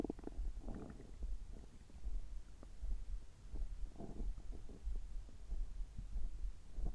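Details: Abdominal sounds while drinking water just after a health-checkup gastroscopy, which found no problems: low gurgling and rumbling with irregular bubbling; ordinary bowel sounds.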